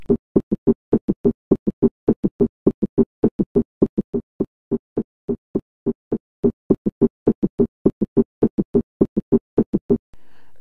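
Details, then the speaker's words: Fast, regular heart sounds with one extra sound each cycle, where the third and fourth sounds fuse into a single sound during rapid ventricular filling: summation gallop. "और superhit post 10 STD officer into a single आज sound producer singer summation sound and dissemination Gallup"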